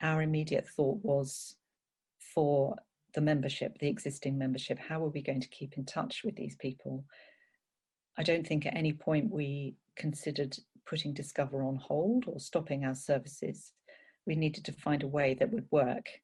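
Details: Adult woman speaking; normal speech.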